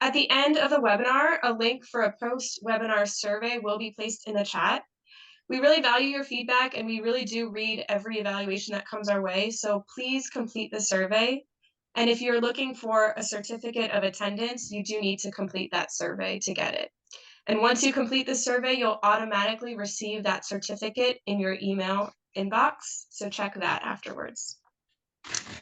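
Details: Adult woman speaking; normal speech.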